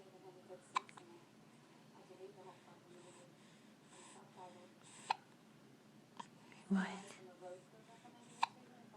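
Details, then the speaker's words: Hiccups in someone who dislikes them: four or five sharp, abrupt vocal catches spaced a few seconds apart over quiet room noise, with adult talk about the hiccups. "Oh tell us how you feel about him what do you think about those hiccups"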